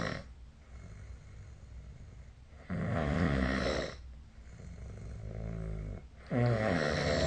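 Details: Repeated rough, rumbling snores on each breath, about 17 breaths a minute, in a small quiet room; ordinary snoring during sleep.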